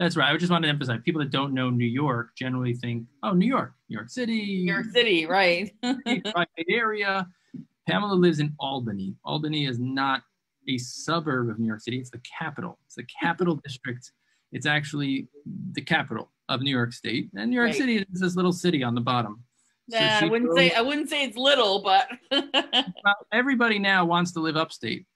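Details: Adult male speaker, with a possible brief second voice; ordinary conversational speech.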